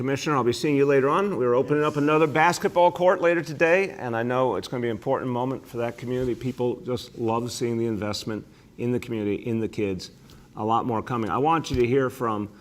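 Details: Adult male speaker; normal voice.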